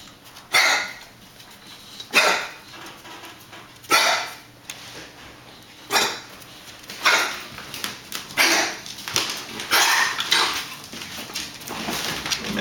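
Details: 4.5-month-old Boxer puppy with harsh, dry, repeated coughing bursts for 1–2 months. The cough comes mostly on waking from sleep or when running around and has not helped with antibiotics, antacids or a natural cough suppressant. Chronic cough.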